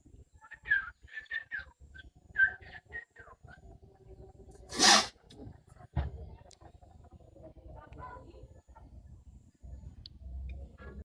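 Soft chirping sounds, then one sharp explosive burst of air, a single sneeze, followed by quieter snuffling.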